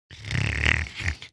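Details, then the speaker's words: Adult imitating their own light snore: a single short snorting inhale. "Oh, I'm sure I'm a snorer. But I've been told I have a light snore, like a... Right?"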